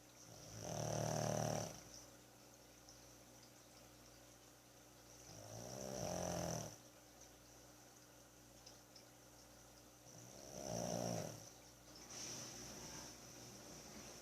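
Three slow, rough snoring breaths about five seconds apart, roughly 12 a minute, with quiet hissing exhales between; small dog snoring.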